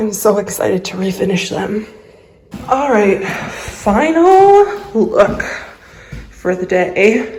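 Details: Adult woman with a lifelong vocal disorder she calls a medical condition; voice quivers, sounds shaky and cuts in and out. Finding: vocal tremor.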